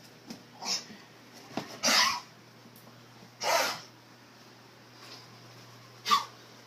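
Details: Dog coughing upon waking, not at night and otherwise playing normally: four short, harsh, hacking coughs spaced a second or two apart in a quiet room.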